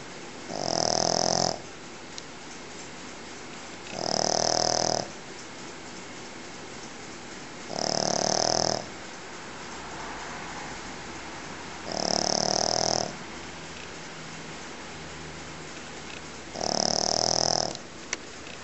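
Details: Pekingese dog snoring, described as the loudest snoring dog: loud, rasping, regular snores, five in about eighteen seconds, roughly sixteen a minute.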